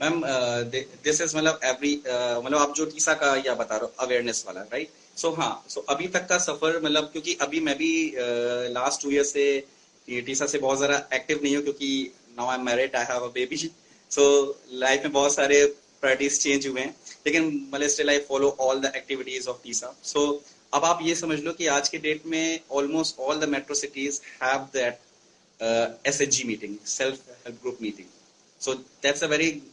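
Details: Adult male who stammers; stuttering.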